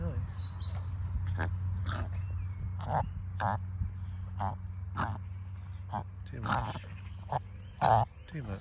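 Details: Puppy rolling and coughing: about a dozen short, sharp cough-like bursts at irregular intervals over a steady low background hum; repeated coughing.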